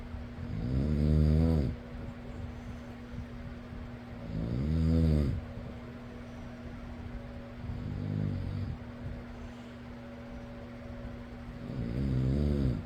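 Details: Person snoring: deep, rhythmic snores at about 17 breaths a minute over a steady fan hum; snoring.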